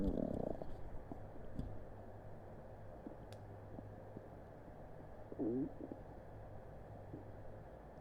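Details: Stomach rumbling during an upset stomach, recorded on Christmas Eve with a Blue Snowball Ice microphone: quiet low rumbles with a few squeaky gurgles over a steady background hiss; borborygmi.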